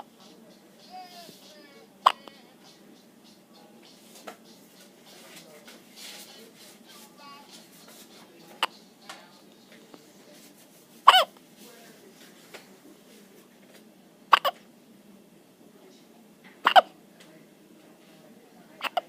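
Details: Repeated sharp, brief hiccup catches recurring irregularly, about 11 per minute, over quiet room noise and faint voices; recording labelled day 15; hiccups.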